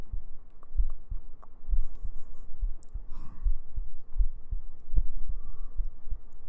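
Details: ASMR heartbeat recording for sleep: steady, regular, low lub-dub thumps at about 65 beats a minute with faint background rustling, a normal heartbeat.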